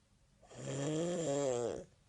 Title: Funniest Snoring Video